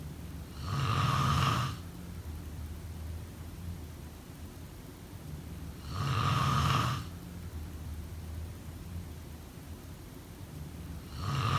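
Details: Slow, rough inspiratory snores, about twelve a minute, each lasting around a second, with quieter breathing between: snoring during sleep.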